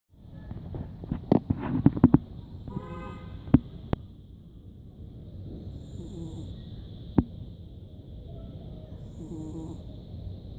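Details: A pet cat snoring during an afternoon nap: snoring.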